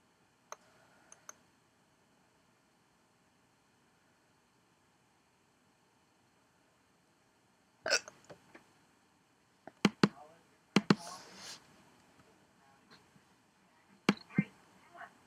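Several abrupt, short gulping clicks at irregular intervals against near silence, typical of hiccups.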